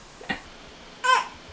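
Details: Two brief fussy cries from a newborn boy in a quiet room, last fed about two hours earlier and barely sleeping; an ordinary newborn cry, likely hunger-related.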